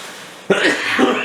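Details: A single abrupt, harsh cough after quiet room tone, from a person whose coughing repeatedly interrupts ear cleaning of mixed wet and sticky earwax stuck to the ear canal wall near the eardrum.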